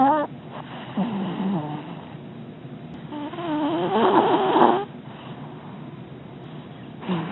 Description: Some audio of a very comfy Scoot making a lot of noise next to me in his doggie bed